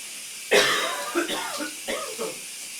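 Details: Adult male coughing in a steamy shower: one loud, harsh cough followed by two softer coughs against a steady hiss of running water.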